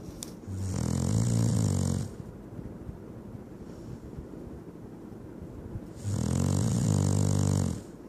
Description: Title says it all. My SharPei snoring.